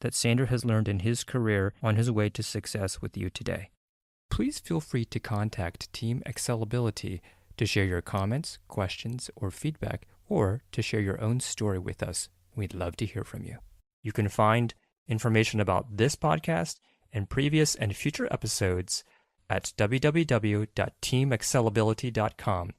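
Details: Adult male podcast host; ordinary speech.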